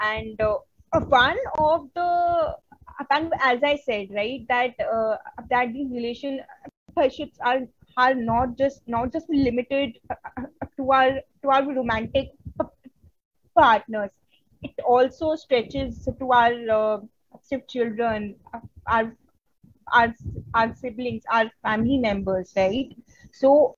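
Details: Real stuttering in an adult woman from India who stutters, presenting at a conference on women and stuttering, with audible word repetitions: stuttering.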